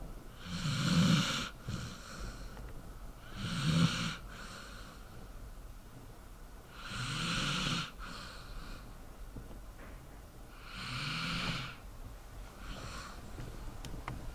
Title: Dog sleeping and snoring ASMR